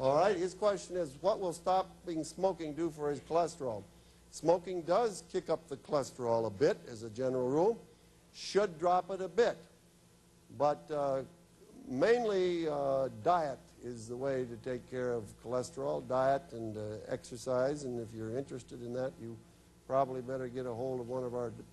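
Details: Adult male speaker; normal speech.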